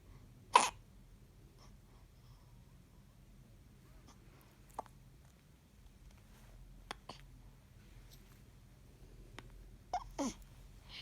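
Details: Baby with hiccups: about six short, abrupt hiccup catches spread over several seconds against low room hum.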